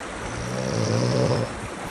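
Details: Brother in the countryside snoring: one low, rough, rumbling snore under a second long over steady outdoor background noise.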